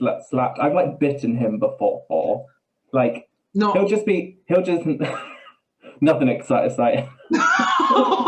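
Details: Adult man with Tourette syndrome: vocal tics with coprolalia, involuntary swearing and blurted phrases mid-sentence; he also reports a stammer that worsens under stress.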